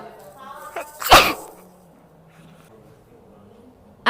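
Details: Girl sneezing, from a sneeze compilation: a short intake of breath, then one loud, explosive sneeze, with faint background noise following.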